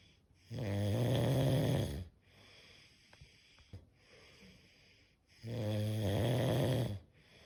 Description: 5 minutes of snoring sound